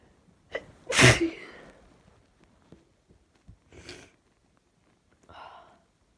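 A short intake, then one loud explosive sneeze, followed by a few quiet breaths and sniffs.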